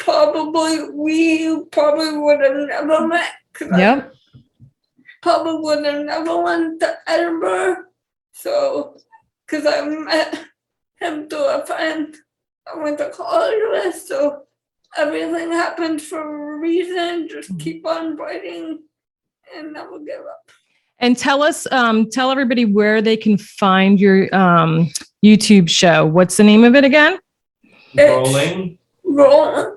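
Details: 28-year-old woman with cerebral palsy and speech issues; dysarthria associated with cerebral palsy.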